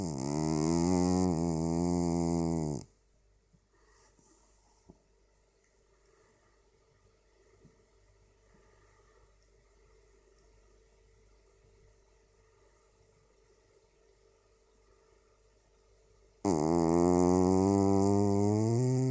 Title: Katten Atlas snarkar // Atlas the snoring cat